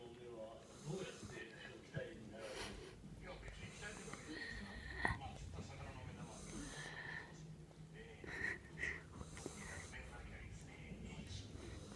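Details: Sleeping female Jack Russell Terrier snoring: repeated snorting, wheezy breathing noises with some room noise.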